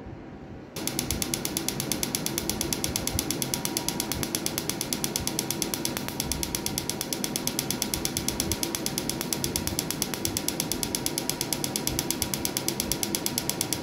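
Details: Pico laser firing on a woman's large, dense, embossed colored tattoo, first session, set to reach 2–3 mm deep: fast, sharp ticking pulses about 100 a minute over a constant machine hum.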